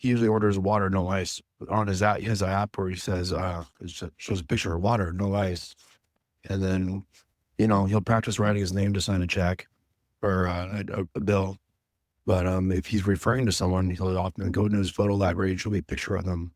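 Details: Adult man speaking; typical speech.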